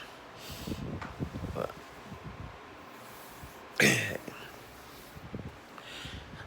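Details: Adult with persistent hiccups lasting days, sleepless, with stomach pain: one abrupt loud hic amid quiet breathing and faint vocal sounds.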